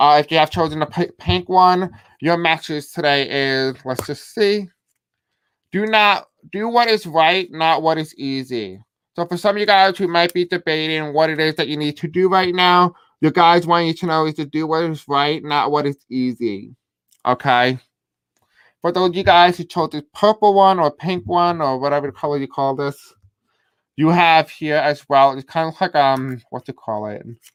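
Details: Deaf male speaker with a self-described deaf accent who reports difficulty pronouncing certain words; deaf speech.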